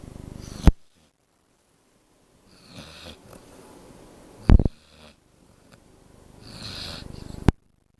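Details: Slow, rattly snoring breaths, roughly 16 a minute, with a soft purring flutter and a few loud clicks; ordinary snoring.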